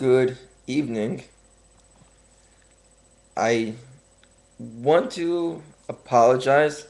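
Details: Speaker working on his stuttering, deliberately talking slower to correct it during a religious talk; stuttering.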